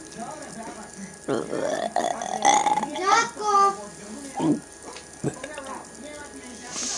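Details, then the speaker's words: Voluntary burping done without soda or Coca-Cola: several loud, drawn-out voiced belches in a row with brief pauses between them; repeated burping. "we're making another video. Burping. Without soda and Coca-Cola."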